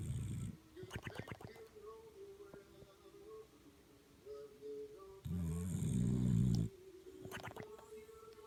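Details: Bulldog snoring: deep, low rumbling snores in two bursts with a steady hum and faint room sounds. Snoring.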